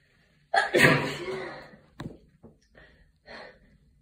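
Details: Tired person with allergies sneezing into a tissue: one forceful sneeze, then a few soft breaths and sniffles; sneeze.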